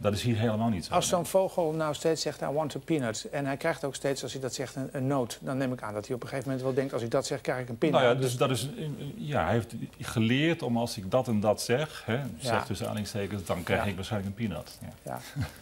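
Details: Adult male speaker; normal speech.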